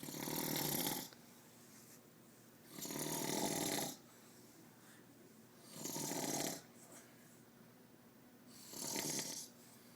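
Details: A father snoring: loud, harsh, rattling snores in a steady rhythm, about four in ten seconds, with quiet pauses.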